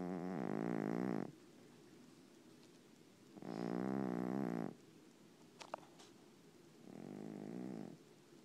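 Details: Overweight sleeping cat snoring: three long, rumbling, buzzy snores on inhalation at about 20 breaths a minute, quiet pauses between.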